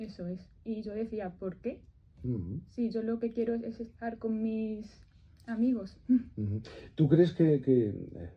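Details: Adult woman who stutters (disfemia), speaking live in a Spanish radio interview after breathing practice and tapping beforehand; stuttering.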